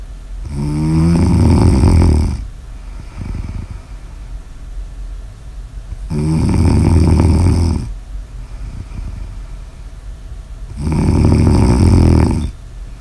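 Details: Snoring in an ASMR sleep recording: three loud, rattling snores on each breath in, about 12 breaths a minute, with quieter breathing out between them.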